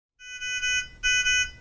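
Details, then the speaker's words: Two loud high-pitched tones: other Nonin PalmSAT 2500A pulse oximeter alarm; silenced with on/off button. "other alarms may occur on the oximeter you can silence the audible alarm with the on/off button"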